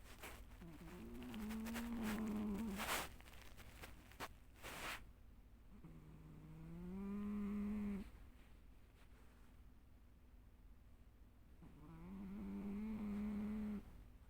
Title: low quality video of my snoring cat